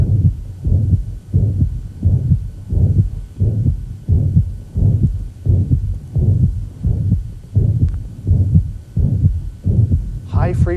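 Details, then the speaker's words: Mitral regurgitation heard from the lower left sternal border toward the apex and axilla: a steady blowing holosystolic murmur from first to second heart sound, with a third heart sound noted after it, regular rhythm about 87 a minute. "as soon as you hear a first heart sound the murmur is going to reach peak intensity and it's going to last until the second heart sound it's going to be loudest at the apex generally radiating into the axilla"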